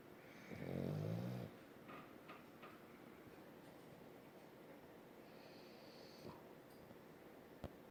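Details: Snoring in a French Bulldog sleeping in its owner's arm: one loud, low, rattling snore lasting about a second, followed by quiet breathing and faint room noise.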